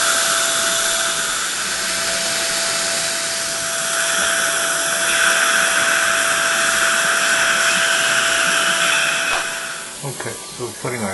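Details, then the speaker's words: Implant drill preparing the bone site for an immediate Zimmer tapered screw-vent implant at the extracted tooth number nine: a steady high whine with water spray hiss, stopping near the end. "Got an ovape on it going in there. Bunch of water and vibration."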